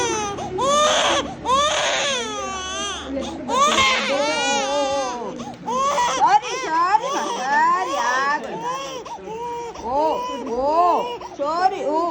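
Loud, strong, rising and falling infant cries in repeated bursts with brief gasps between; a vigorous pain cry after an injection.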